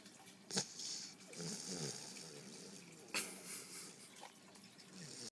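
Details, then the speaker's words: A 5-month-old female English Bulldog puppy asleep in a lap gives soft, irregular snuffly breathing with a few sharper snorts; snoring. "She's currently asleep in my lap. And she's snoring."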